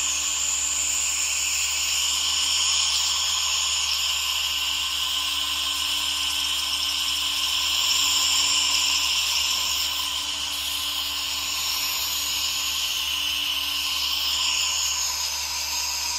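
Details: Nebulizer running alongside a humidifier, recorded as ASMR: steady, unbroken hissing and misting with a faint constant hum throughout as the nebulizer produces aerosol.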